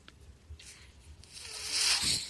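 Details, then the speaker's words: Podcast host's own mechanical ventilator in the background as he speaks: a faint rustling hiss builds into a loud airy whoosh of air pushed through tubing, the breath cycle; mechanical ventilator. "Hello everyone. My name is. That noise you're hearing is my ventilator."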